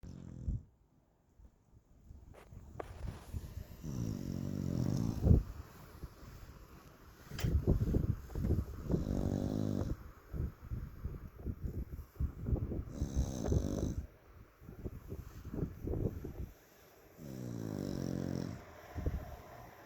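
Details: Sleeping fluffy corgi dog snoring with deep, rumbling, fluttering snores on its breaths, some with a soft growly tone.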